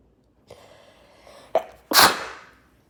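Short catching breaths build up, then one loud explosive sneeze trailing off into a hiss.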